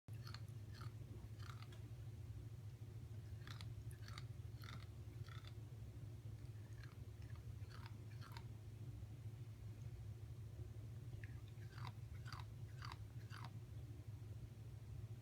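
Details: Teeth grinding (bruxism) in Kona: quiet, irregular gritty scraping and clicking sounds over a low room hum.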